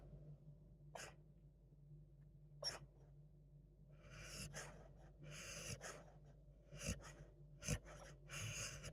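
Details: Sleeping beagle dog, snoring and sleep-talking during a nap: irregular, noisy, snorting breaths growing longer and louder toward the end over a steady low room hum; snoring.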